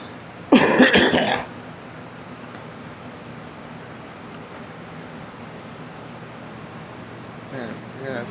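One short burst of harsh coughing, then quiet room noise, with a faint voice near the end.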